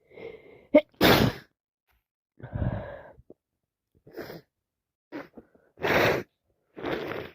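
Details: Several sharp explosive sneezes from a sick adult with a cold, some preceded by a short in-drawn breath, separated by pauses; repeated sneezing.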